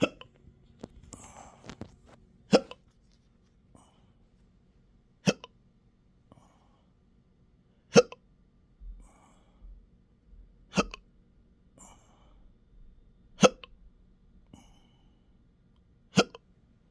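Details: Intractable hiccups with belching, choking spasms and developing achalasia since December 2015, in 12-hour episodes now occurring 7 days a week: sharp, abrupt hiccups recurring about every two and a half seconds in a quiet room.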